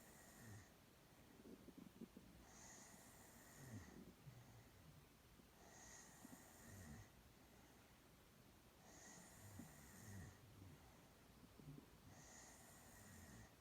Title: Snoring girl